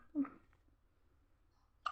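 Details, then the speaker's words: One brief voiced catch of breath in a quiet room; a hiccup. "हिचकी आ रही है? क्यों आ रही है हिचकी, बताओ।"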